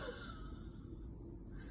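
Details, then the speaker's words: Huff (forced expiration technique), small long huff demonstrated during active cycle of breathing technique: small-to-medium breath in, mouth and throat open, soft steady forced but not violent breath out, like misting a mirror. "So with a small long huff, you would start with a small to medium breath in, mouth open, throat open, and a forced but not violent breath out."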